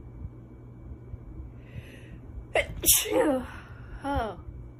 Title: Beautiful girl stifles sneezes